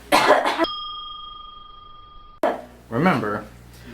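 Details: Two brief, forceful cough bursts separated by a steady electronic tone; a demonstrated cough in a video showing right and wrong ways to cough and sneeze.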